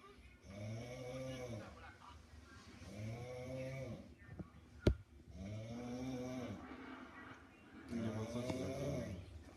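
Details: Paw to ki snoring: four long, buzzing snores on breathing in, roughly every two and a half seconds, with a brief click between.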